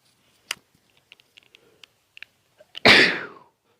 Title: all of my birthday allergy sneezes